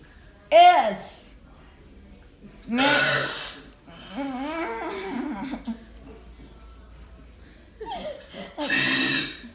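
Several voiced belches shaped like spoken letters, with laughter between them in a small room.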